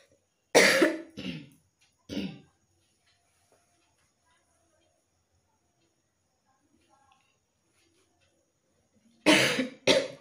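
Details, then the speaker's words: Two bouts of dry coughing, three coughs then two, separated by quiet, from someone with an itchy, irritated throat who says the cough comes only now and then, recorded for a coughing-challenge video; cough. "মাঝে মধ্যে এমন কাশি বেরোচ্ছে কি বলবো, এটা সবসময় বেরোচ্ছে না, মাঝে মধ্যেই বেরোচ্ছে।"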